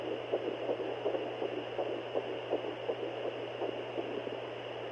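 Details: Home Doppler at 8 weeks 5 days of pregnancy, first time hearing it: rapid, regular whooshing pulses of an early fetal heartbeat at about 165 beats per minute.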